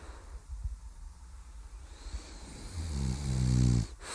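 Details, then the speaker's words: A bulldog asleep on a lap snoring: a low rumbling snore on the in-breath, then a soft exhale. "we could play them out with the sound of some bulldog snoring I know that always goes down well"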